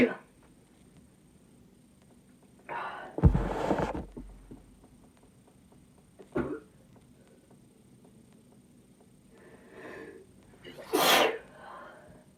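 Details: Female, sneezing induced first with a chhinkni drink, then with a Q-tip: a few sharp, noisy sneeze bursts separated by pauses in a quiet room, the loudest near the end.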